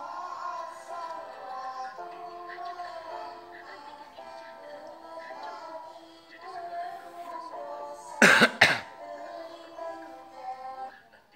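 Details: Cough from a sick child aged 2 years 11 months.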